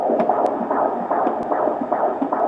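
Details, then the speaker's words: Fetal heartbeat on Doppler at a prenatal appointment in a pregnancy after a previous ectopic pregnancy: fast, regular whooshing pulses about 150 a minute, described as good and strong, in the 150s throughout. "it was a good stronger feed it was no 150 still so he's been in the 150s about the whole time"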